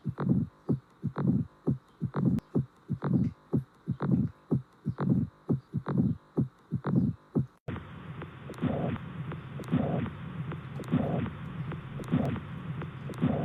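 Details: Normal heart sounds: regular paired first and second sounds at about 70 a minute; third and fourth sounds are not audible.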